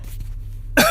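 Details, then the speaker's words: A single abrupt cough burst over a low steady hum, cut off at the end, during a live stream; the speaker apologizes that their voice keeps breaking up from this cough. "so sorry about my voice keeps breaking up from this cough"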